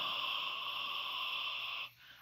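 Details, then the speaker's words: Adult woman with sleep apnea, using a CPAP machine, imitates the sound of a CPAP mouth leak: air pumped through the nose escapes out the open mouth as a steady, whistling rush lasting about two seconds. "you got to keep your mouth closed because if your mouth is open the air goes through your nose and comes out your mouth it's"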